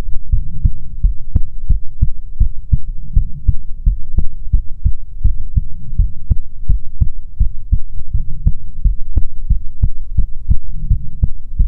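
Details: ASMR heartbeat recording: steady, regular paired low thumps at roughly 80 beats a minute; normal heartbeat rhythm.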